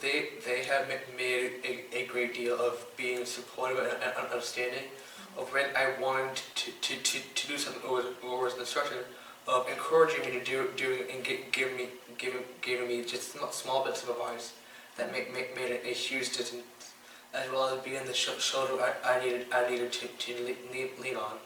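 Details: 15-year-old boy with Tourette syndrome, which he says challenges his speech; speech disfluency with repetitions.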